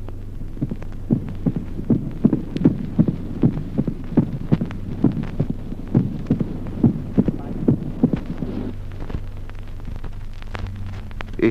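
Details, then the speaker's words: Mitral opening snap with short interval in sinus rhythm: regular heart sounds with a crisp extra sound just after the second sound. "Ejemplo 15. Chasquido de apertura mitral de intervalo breve con ritmo sinusal."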